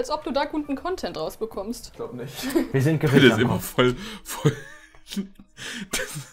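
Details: Adult speaker; Tourette syndrome vocal tics.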